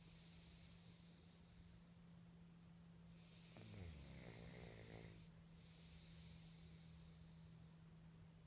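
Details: Snoring: one rattling, low snore over a steady background hum, then quiet breathing.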